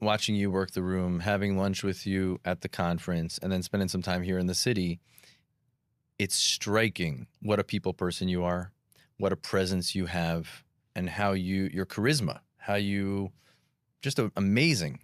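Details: Adult man speaking; typical speech.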